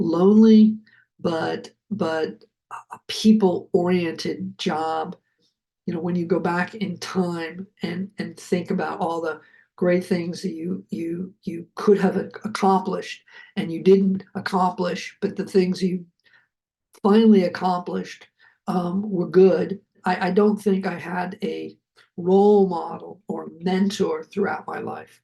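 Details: Adult man who survived a heart attack and has aphasia, speaking right after noting that his aphasia was kicking in; aphasia.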